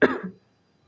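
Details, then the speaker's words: Single short, sharp cough from an adult woman speaking during a talk, still recovering from being quite sick the previous week; fades quickly into quiet room sound, a plain isolated cough. "Sorry for my voice. I've been quite sick last week. So, I'm still dealing with that."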